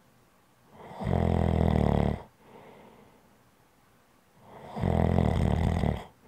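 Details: Snoring sounds recorded for ASMR relaxation: snoring.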